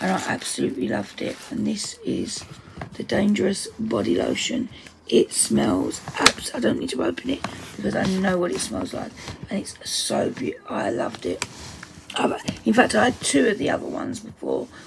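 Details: Adult woman's self-reported voice dysphonia, which she says is playing up; dysphonia.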